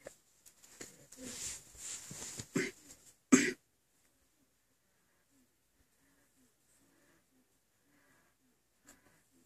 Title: My Baby Having Asthma Attacks